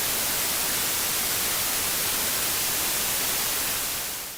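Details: Simulated static-type tinnitus: a steady, even static hiss throughout, a constant low background noise perceived in the ear, sometimes with dizziness or headache.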